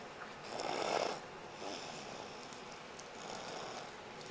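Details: Man snoring: rough, rattling breathing noise rising and falling with each breath over a steady hiss; snoring.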